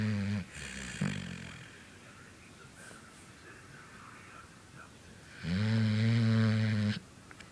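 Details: Sleeping dog gives loud, low rattling snores with a quiet pause between breaths before the next long snore; ordinary snoring.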